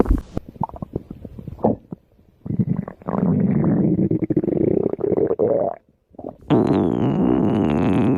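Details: Stomach growling after overeating: bubbly clicks and long, low gurgling growls from the belly; ordinary bowel sounds of gas and fluid moving through the gut.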